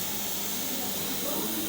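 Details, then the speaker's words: High-flow oxygen on a Neumovent TS (TECME) ventilator at 20 litres per minute, default starting oxygen 50%: steady loud rushing hiss of gas flow. "iba metiendo alto flujo en este caso a 20 litros y nosotros podemos ir aumentando el flujo y vamos a saber que la intención ha cambiando y vieron que por defecto es inicio de 50%"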